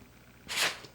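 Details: Dog with repeated sneezes, owner says he seems itchy: a single short, soft, hissing burst of air through the nose.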